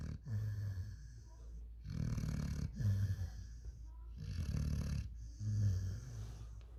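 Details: Sleeping 5-month-old German Shepherd x African Boerboel dog snoring: deep, rattling snores, about 24 breaths a minute, with a steady low room hum behind.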